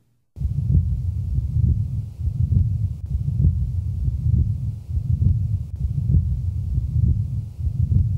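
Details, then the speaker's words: Patent ductus arteriosus recorded at the heart base: steady low rumbling continuous murmur swelling with each beat, about 67 per minute, never falling silent. "now listen to the typical murmur of patent ductus arteriosis recorded at base"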